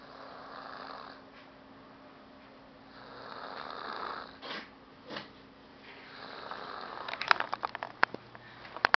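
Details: Quiet snoring from a sleeping woman: slow, soft rasping breaths with a couple of snort-like sniffs, then clicking noises.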